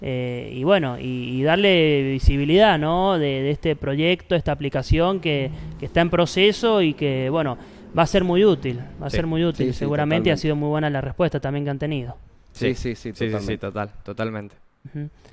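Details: Young Spanish-speaking man from San Juan, Argentina, who co-created an app for people who stutter, speaking spontaneously in a broadcast interview. Stuttering.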